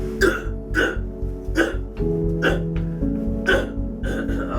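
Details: Repeated short, abrupt throat noises interrupting a pause in speech: vocal tics in a young man diagnosed with Tourette syndrome at age 4, at a 12-year follow-up after TMJ-related treatment.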